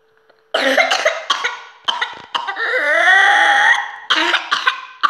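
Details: Runs of rapid coughs from a child, with a long drawn-in breath between bursts; coughing spells of whooping cough.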